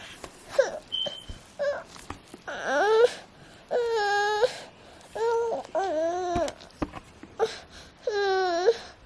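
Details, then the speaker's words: Teething baby boy, unwell and out of it, fever earlier 102.1°F, now 99.8°F, just woken from a nap: tired whimpering cries and drawn-out wails in a quiet room; crying of a sick, feverish infant. "He was running a temperature right now. What are right now, but earlier it was like 101. Oh shit. It was 102.1."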